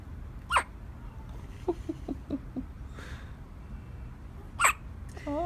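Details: Two sharp hiccup bursts about four seconds apart, with small squeaks between, in a quiet room: hiccups in a 2-day-old newborn girl.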